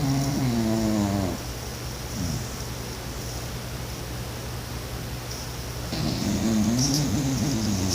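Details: Two loud, rough, voiced snoring breaths from a sleeping dog, separated by a quieter stretch of steady room hum: dog snoring.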